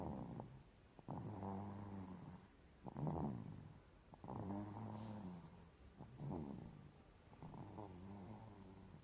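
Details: Baby asleep and snoring: soft, tiny, rattling snores with each breath, roughly every 2 to 3 seconds, over faint room noise; snoring during sleep.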